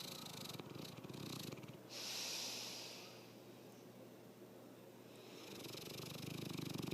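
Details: Snoring during sleep: rough, rattling breaths in and out with a snorting quality, and no clear musical wheeze.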